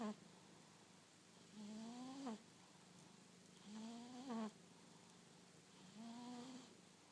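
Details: Sleeping cat snoring: three rising, whistling snores on successive breaths, about 28 a minute, over quiet room noise, said to be almost as loud as the owner's husband.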